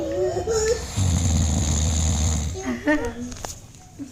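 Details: Young child imitating father's snoring: a long, low rumbling snort between brief voice sounds, a simulated snore rather than real sleep.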